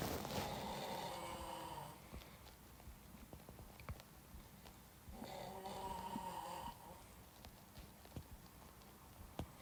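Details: Adult man snoring, recorded by a friend: two long, loud, rattling snores with quiet stretches between, amid clicks and room noise; heavy snoring.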